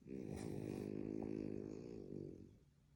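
A long, low, rattling snore on one breath in, from a sleeping flat-faced dog, in a quiet room.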